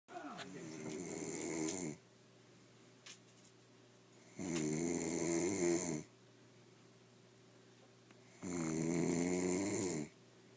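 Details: A woman asleep gives three long, rattling snores on the in-breath, about one every four seconds (15 a minute), with quiet gaps between; ordinary snoring.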